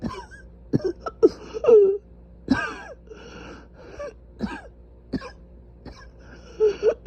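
Repeated harsh, hacking coughs and throat clearing in short bursts, with strained voice between them; a cough from inflamed airways.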